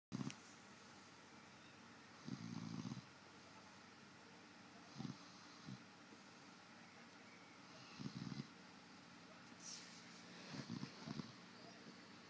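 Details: Snoring self-recorded to check whether the person snores: irregular low rattling snores, some single and some in short clusters, over a quiet room.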